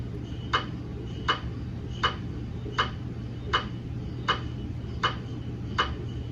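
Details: GE MRI daily QA system verification scan of a 150 mm head TLT phantom in a head coil, no patient: steady low hum with evenly repeating sharp knocks, about 80 a minute, MRI scanner gradient noise.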